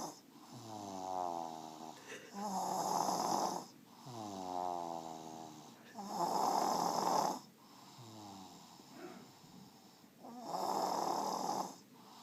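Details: Young child asleep, snoring loudly and steadily "like an old man," with a fluttering tonal rattle on each breath.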